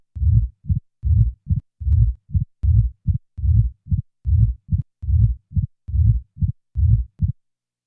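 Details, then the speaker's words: Simulated mitral stenosis heart sounds, about 70 a minute: low-pitched rhythm with mid-diastolic murmur, added presystolic accentuation rumbling into the first sound, then an opening snap. "now a pre-systolic accentuation is added followed by an addition of an opening snap"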